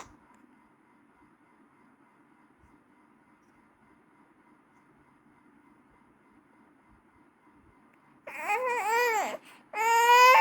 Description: A baby crying can sound like a high-pitched, loud and persistent wail or whimper.